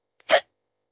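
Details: Single short, abrupt voiced 'hic' in silence from an AI-generated bedtime hiccups audio combining old recordings, character unable to sleep; computer-generated hiccup.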